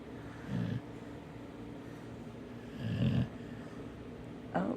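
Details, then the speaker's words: Dog sleeping while lying beside its owner, snoring hard enough to shake the bed: low, rough snores recurring about every two seconds in a quiet room. "big head, snoring away, laying with his mama."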